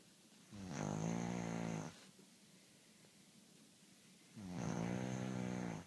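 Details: Two loud, buzzing, rattly snores about four seconds apart, roughly 15 per minute, with quiet breathing between: typical snoring.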